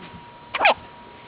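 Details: A single short, sharp voiced hic against faint room hum; one hiccup from a girl with the hiccups.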